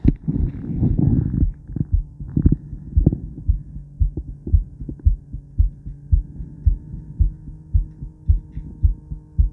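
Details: Adult female heart after 50 squats: initial rubbing noise, then regular thudding heartbeat at about 110 beats a minute with low hum; normal heart sounds, fast after exercise.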